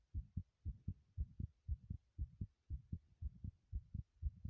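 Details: Fast, regular paired heart thumps at about 118 a minute, recorded while running in a bathroom; rapid heartbeat during exertion.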